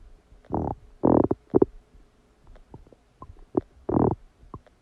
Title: Massive stomach digesting sound after eating a cheeseburger | My Stomach Makes Noises